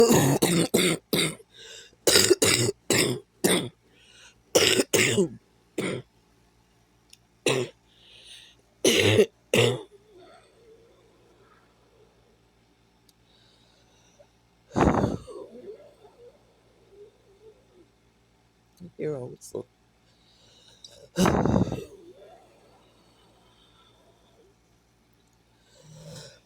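Repeated short, sharp coughs come in rapid clusters, then a few isolated coughs after quieter pauses.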